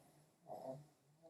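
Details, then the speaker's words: A single low, rattling snore from a sleeping female pug over faint room noise; snoring normal for the breed. "I don't know if you hear the snoring us that's the Pug a pug she's snoring which is normal for a pug"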